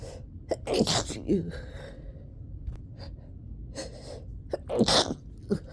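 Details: Sneezing during a summer cold, at the worst of an unstoppable sneezing bout: a run of forceful sneezes, each led by a sharp gasping intake, with panting between.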